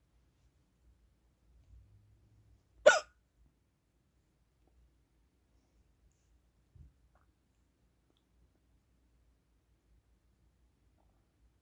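One sharp, abrupt hiccup in near silence, with a faint second sound a few seconds later.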